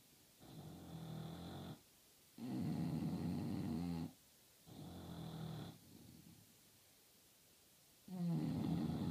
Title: English bulldogs snoring, no video, just loud snoring, TURN UP VOLUME